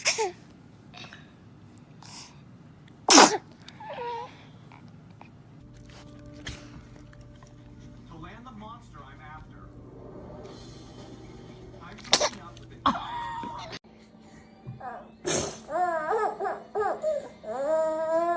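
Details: Several sharp bursts of infant sneezing among baby babble, adults saying "bless you" and light music, from a compilation of babies sneezing; sneeze.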